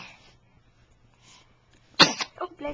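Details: Young child caught sneezing on camera: a quiet stretch, then one sudden explosive sneeze with short vocal sounds right after.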